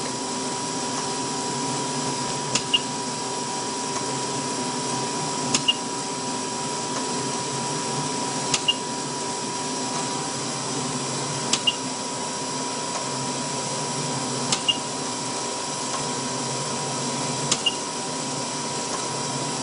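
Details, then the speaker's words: Bear 1 adult mechanical ventilator running in control mode at rate 20, tidal volume 375 mL, minute volume 7.5 L/min: steady hum with paired clicks about every three seconds, roughly 20 breath cycles a minute. "All right, I'm gonna turn the ventilator on at the previous setting and see what this machine will show us."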